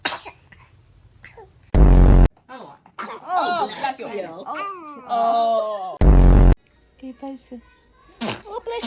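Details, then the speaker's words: Baby sneezing: two loud, abrupt small sneezes about four seconds apart amid adult talk and laughter, with "bless you" and "you sneezed on me"; sneezing. "Oh bless you. Oh bless you. >> Oh, you sneezed on me."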